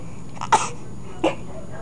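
An infant gives two brief, sharp coughs about a second apart over quiet room noise.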